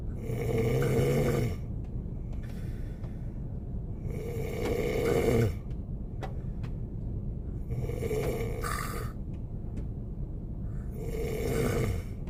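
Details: Korean man sleeping in a car on a snowy day, with rain sounds: repeated rattling snores about every three seconds over steady car and weather noise.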